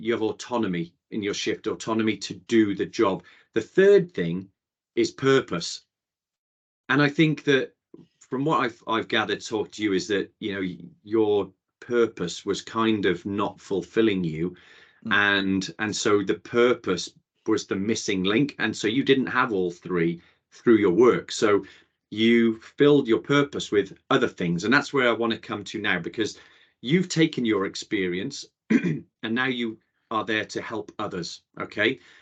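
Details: Adult male speaker; typical speech.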